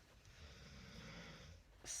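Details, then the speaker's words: Sleeping dog gives a single low, rough snoring breath, faint against quiet room noise, ending with a brief sharp household sound. "you can probably hear my dog snoring I apologize he's out"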